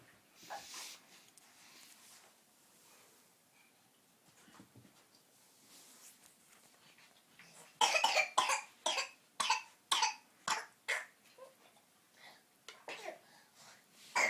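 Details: Dog coughing: a run of about a dozen harsh, rapid coughs after quieter breathing sounds, a repeated coughing bout.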